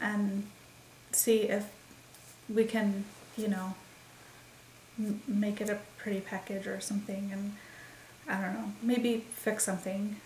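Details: Woman, 36, with expressive aphasia since December 28, 2012, believed caused by migraines that also caused seizures; worse when nervous or after certain migraines; recorded about 4 days after a migraine; word-finding difficulty; expressive aphasia.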